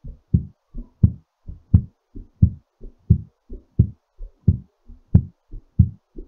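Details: Regular, strong paired heart sounds at about 87 beats per minute: a normal heartbeat recovering after exercise.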